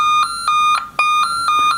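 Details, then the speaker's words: Simulator cardiac monitor during defibrillator training: rapid, high-pitched repeating alarm beeps flagging sinus bradycardia, heart rate 40 beats a minute; simulated. "ini heart rate-nya mulai turun, kalau kita di sini adalah 40, ini adalah sinus bradikardi, ini heart rate-nya 40."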